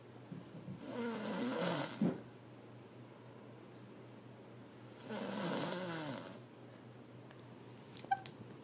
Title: Snoring fat boi